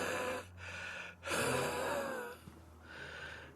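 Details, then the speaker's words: Labored, noisy breaths with a faint whistling, musical tone: wheezing in an adult man who worked 12-hour shifts sifting debris by hand at a landfill. He takes about 20 pills a day and 3 inhalers, and gets winded while talking. "You got to go like this. The stuff gets on you. As you can hear me wheezing."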